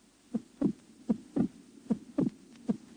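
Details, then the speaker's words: Paired heart sounds with a loud, doubled second sound over the pulmonary artery in mitral stenosis, due to raised pulmonary artery pressure and asynchronous semilunar valve closure; accentuated split second heart sound. "an accent and splitting of the second sound are heard on the pulmonary artery in mital"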